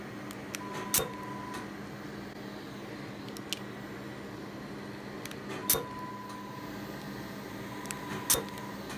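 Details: Dermatology laser removing small moles from a patient's back, neck and arm: steady machine hum with short beeps and sharp snapping clicks at irregular intervals as the laser fires.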